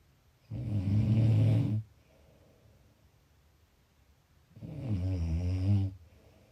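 Two long, low rattling breath sounds separated by a quiet pause; snoring.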